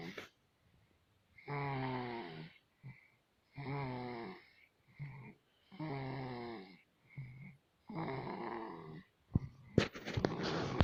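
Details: Baby snoring during sleep: regular, voiced, rumbling snores on each breath with short snorts between, about four cycles in ten seconds.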